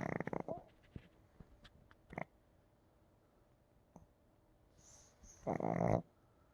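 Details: A dog sleeps in a quiet room and snores: a few rough, rattling snorts separated by long silent gaps.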